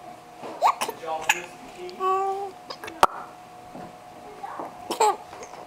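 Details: Baby boy, recorded January 2009, giggling and squealing while hiccuping: laughter broken by a few abrupt, sharp hiccup catches.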